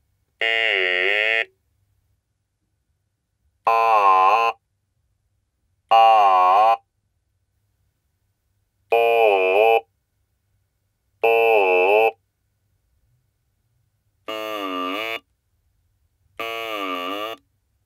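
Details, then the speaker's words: Seven separate buzzy, mechanical vowel sounds from a button-activated electrolarynx sound source, connected in turn to each VTM-T20 acoustic-tube vocal-tract model based on simplified Chiba and Kajiyama vocal-tract shapes. "the next sound source is an electro larynx this electro larynx produces a sound when the button is pressed now it will be connected with each one of the models"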